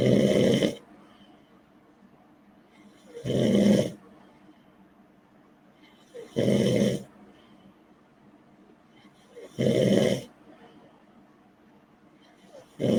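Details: Man snoring, heard during a live online show: loud, rough, rattling snores about every three seconds (about 19 a minute), with quiet gaps between them; heavy snoring during sleep.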